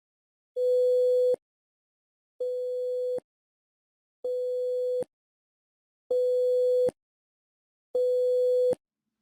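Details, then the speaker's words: Audiometry test tones from a child's hearing test, starting soft and rising in volume until the child responds; shown for the right ear in an explanation of a moderate hearing loss audiogram. "lors du test auditif d'un enfant ils débuteront avec un son doux et augmenteront le volume jusqu'à ce que zion réponse"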